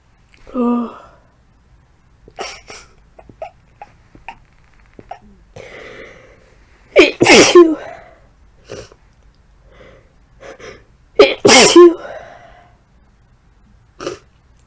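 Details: Adult with flu and a tickly, irritated nose deliberately induces sneezing, producing two strong, forceful, explosive sneezes, each preceded by short catching breaths.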